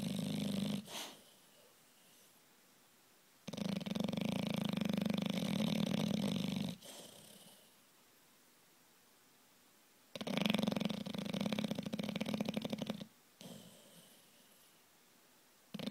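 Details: A sleeping bulldog named Beauregard gives loud, long, rattling snores of about three seconds each, with quiet pauses between them.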